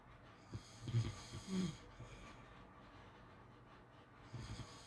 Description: ASMR snoring sounds to sleep well